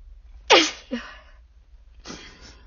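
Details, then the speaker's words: Adult sick, sneezing while talking in a car: one sharp, high-pitched, squeaky sneeze, then a softer breathy burst a moment later. "Yeah, this is working, sorry, I just kind of stop talking when I feel like I'm about to sneeze. I get, I sort of do both at once."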